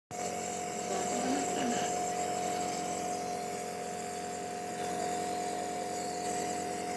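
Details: A steady, high motor drone from a nebulizer compressor running during a breathing treatment for a woman with a cough.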